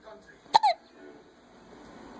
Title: Another case of the hiccups